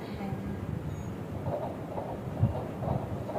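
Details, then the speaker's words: Fetal heartbeat on Doppler during pregnancy ultrasound, fetal weight 1631 g, fetus in a straight position, mother reporting abdominal pain; rapid rhythmic whooshing pulses at 132 beats a minute: normal fetal heart rate. "এটা হচ্ছে বাচ্চার heartbeat বাচ্চার heartbeat আসছে আপনার এই মুহূর্তে 132 তার মানে নরমাল আছে স্বাভাবিক আছে"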